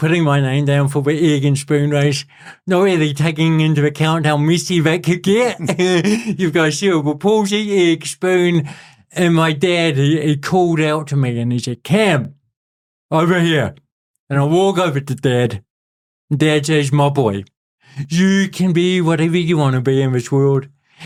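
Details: Adult man with cerebral palsy since birth, a lifelong physical disability with a self-described speech impediment and physical impediment, speaking in real conversation; dysarthria (cerebral palsy).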